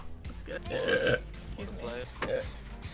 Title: Number One Twitch Girl Burps on Twitch... Excuse me | Burp Compilation #5